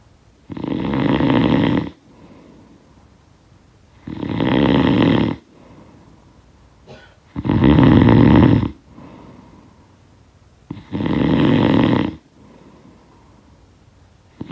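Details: Four loud, rough snores on breathing in, about 16 a minute, with quiet breaths out between; ordinary snoring, sound-effect recording.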